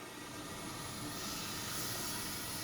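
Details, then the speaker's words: Training demo for using an anesthesia machine as a ventilator for COVID-19 ICU patients: a steady rushing hiss as a self-inflating bag with its PEEP valve fully open deflates while bagging, so pressure and recruitment are lost. "so on this top piece this is where your peak valve is if you open it up all the way and try to bag a patient"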